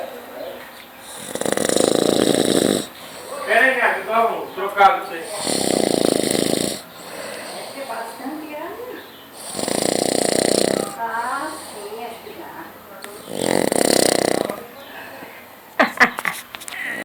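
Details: Father asleep on the sofa on a Saturday afternoon, snoring: loud, buzzing snores about every four seconds, roughly 15 a minute, with softer fluttering breath sounds between.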